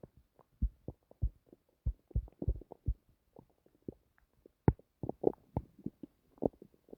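Irregular gurgling pops and rumbles from the belly in a quiet room; ordinary bowel sounds.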